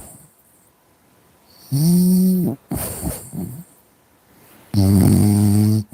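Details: Loud, deep snores broken by rough snorts from a French bulldog; ordinary dog snoring.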